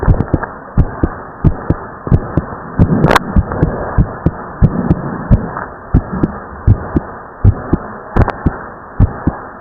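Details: Split second heart sound in a teenage boy after overexertion from exercise: rapid, regular lub-dub heartbeat about 95 beats a minute with the second sound split; brief rubbing noise partway through.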